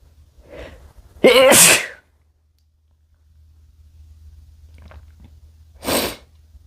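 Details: A short in-breath, then one loud explosive sneeze from a man, with a second, weaker sneeze a few seconds later.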